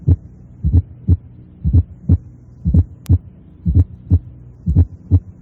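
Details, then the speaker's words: Teaching recording of normal heart sounds at the apex, regular, about 60 a minute. A soft, low-pitched atrial sound occurs immediately before each first sound: a fourth heart sound (S4, atrial gallop). "el ruido auricular ocurre inmediatamente antes del primer ruido cardíaco y como ya dije es de tono bajo escuchemos los ruidos cardíacos normales a nivel de la punta con un ruido auricular de intensidad"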